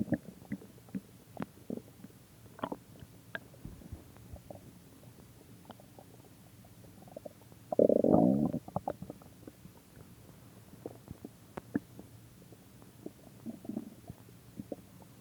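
Scattered soft gurgles and clicks with one longer, louder rumble midway. Ordinary stomach growling from normal gut activity.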